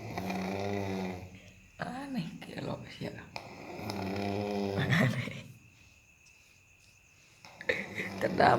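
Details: Loud, rough, rattling snores with long pauses between, over a quiet room background; snoring.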